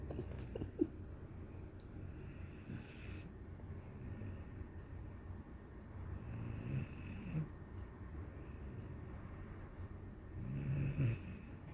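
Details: A 1-year-old dog sleeping and snoring against its owner: low, rumbling snores with each breath, with quiet room noise between them.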